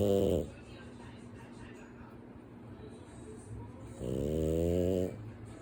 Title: Sleeping on his back with his eyes open while snoring